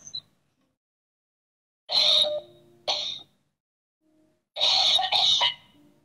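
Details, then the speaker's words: Woman on a phone call, whom the preacher says is being freed of stomach cancer: about four harsh, forceful coughing or retching bursts over a thin phone line, separated by silence; coughing. "escuchan como ella está tosiendo escuchen como ella está tosiendo y está siendo liberada de un cáncer en su estómago"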